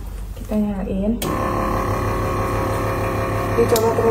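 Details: Suction machine running during a simulated nursing skills demonstration of airway suctioning: a brief spoken phrase, then the steady motor hum as the machine is switched on to check it works.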